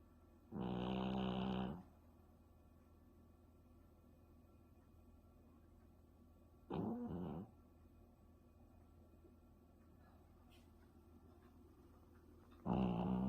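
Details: A sleeping dog, apparently tired after a walk, snoring: three brief, buzzy snoring breaths spaced several seconds apart against a quiet room hum.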